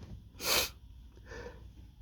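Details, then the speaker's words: One loud explosive sneeze burst followed by a softer snort-like breath, in someone with allergies flaring from dust at work; allergic sneezing. "oh man that one really tickled oh Here Comes where hey stealthy still a few in there just coming hey that was a big one"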